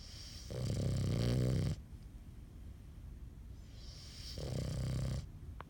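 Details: Snoring while awake: two loud, low, vibrating breath sounds with a quieter stretch between them; snoring-like noisy breathing in an awake subject.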